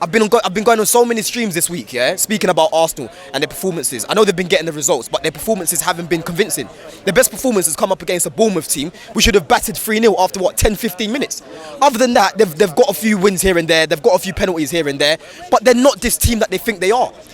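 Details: Adult male speaker; ordinary speech.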